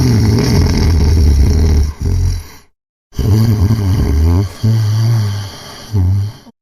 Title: Snoring compilation 101